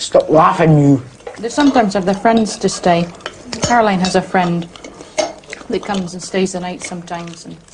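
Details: Adult woman speaking; Normal adult speech.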